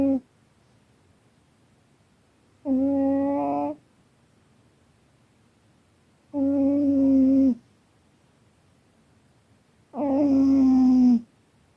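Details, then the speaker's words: Loud snoring from a napping cat: buzzing, tonal snores about once every four seconds in a quiet room. "oh hi hi little you okay you're snoring so loud didn't mean to wake you go back to bed I'm sorry"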